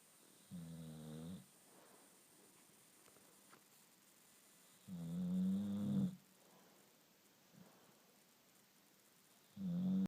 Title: Snores like a human